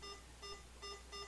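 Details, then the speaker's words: A VET-100 veterinary IV infusion pump with a 60 drops/ml set assigned as tube A: short bright keypress beeps repeat about three times a second over low room hum. "And how I do that, I hit the ACCU, which is this accuracy, or this is basically how you calibrate it."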